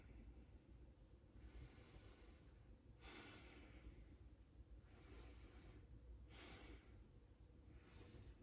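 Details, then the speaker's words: Patient breathing deeply during stethoscope lung auscultation in a nursing head-to-toe assessment: slow, unlabored breaths, about four cycles, over low room rumble; lungs clear and equal bilaterally, normal. "And on both sides, the lungs sound clear and equal bilaterally. So that's what we want to see."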